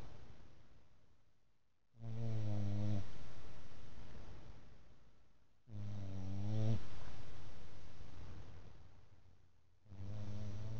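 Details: Loud, deep rumbling snores on each breath in, about 15 a minute, with quiet breaths out between, after a hard day at work; snoring.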